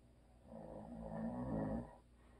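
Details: A single low, droning snore on a breath in from an adult man, the husband of the recorder, rising and fading over about a second and a half; ordinary snoring.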